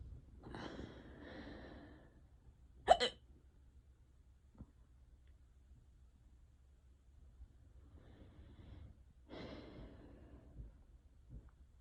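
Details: A person self-records an unusually bad, prolonged hiccup bout in a quiet room: soft breathing, one sharp abrupt hic and a few fainter catches; hiccups (singultus).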